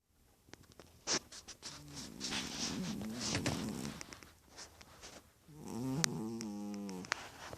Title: Chubby cat snoring